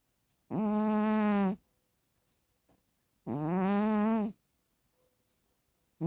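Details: Snoring from a sleeping cat, owner states the sound is real and not faked; snoring.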